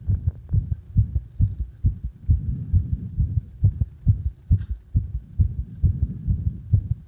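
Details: Own heartbeat recorded during CPR: fast, regular low thumps at about 136 a minute.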